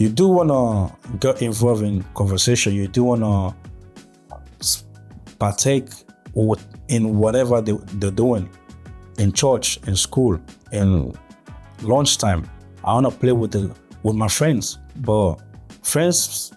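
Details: Adult male with stuttering since early childhood, with blocks and gaps between words, who grew up in West Africa (Sierra Leone); real stuttering.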